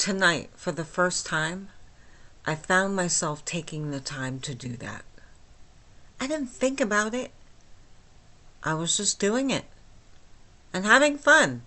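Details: Flaccid dysarthria with hypernasality in myasthenia gravis in an adult woman with the disease since age 8, causing lifelong talking and swallowing problems; she speaks without her usual speech appliance.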